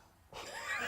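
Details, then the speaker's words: A single sharp, squeaky voiced yelp after brief silence: a fake, imitated hiccup performed on request on a comedy panel show, not a real one; a listener says it sounded like a chihuahua from a distance. "I had a really, really bad case of the hiccups on set in Dairy Girls and it was ruining the day. >> Could I just hear the sound of your hiccup, please? >> It would be a fake hiccup, but you can."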